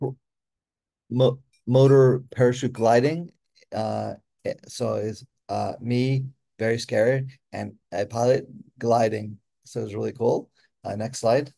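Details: Adult man with aphasia after a stroke, with difficulty with names, spelling, reading and writing; aphasia.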